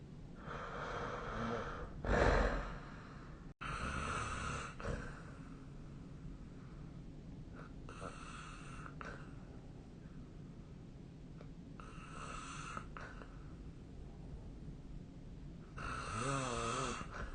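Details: Sleep snoring: rough, rattling snores in regular bursts about every four seconds over quiet breathing; snoring.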